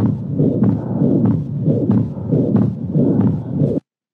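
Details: Rapid heartbeat with a soft, low-grade systolic ejection murmur and relative pulmonary stenosis sound, typical of atrial septal defect, presented as a teaching example in congenital heart disease screening.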